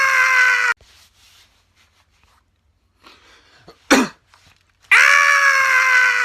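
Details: Comedy clip: a single forceful, painful sneeze, a sharp explosive burst between loud sustained music-like tones, possibly an edited effect; sneeze.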